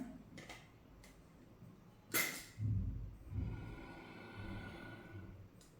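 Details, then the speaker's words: Demonstration of a metered-dose inhaler, shaken, inserted into a spacer, mouthpiece sealed with the lips; a short hissing puff, then slow, deep breaths through the chamber, followed by a 5–10 second breath-hold. "मतलब कि पहले आप spray को इल को press करोगे medicine comes in the chamber you डीली inhale"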